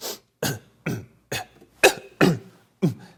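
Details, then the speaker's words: Imitated simple vocal tics, as in Tourette syndrome in children: seven quick, separate throat and nose bursts like sniffs and short coughs, often confused with coughing or allergy sniffing. "simple vocal tics are very quick sounds that people make these are usually confused with coughing like somebody has coughing or an allergy sniffing those kinds of things"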